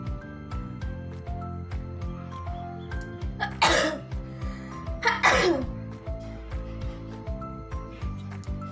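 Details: Sneezing challenge: two forceful sneeze bursts over loud background music.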